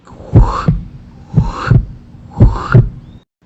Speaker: o terceiro tipo de som é um som que acontece é o final da sístole pertinho já do S2 é um som telessistólico telessistólico ele vai acontecer mais ou menos dessa forma